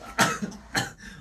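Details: An adult man gives two short, sharp cough bursts about half a second apart in a small quiet room; the clip is from a compilation of his coughing and choking. Cough.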